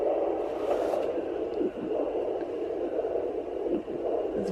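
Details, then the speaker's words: Fetal Doppler at 29 weeks 3 days of pregnancy: a steady whooshing with soft jolts about two seconds apart. These are fetal hiccups, heard without a heartbeat; the hiccups were in a different spot from the heartbeat. "Oh, they're going away. Oh, nope, still there. That is so cool. I didn't know you could catch hiccups on a Doppler."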